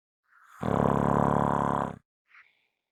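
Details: Strong snoring: loud, rough, buzzing snore lasting over a second, then a faint breath out.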